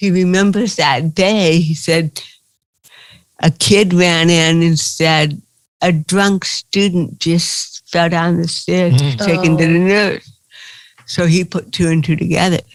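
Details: Dysarthria in an adult woman with cerebral palsy.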